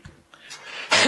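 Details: Quiet room sound with a short rising breathy noise, then one abrupt loud harsh burst, consistent with the start of an adult man's cough during a teleconference meeting.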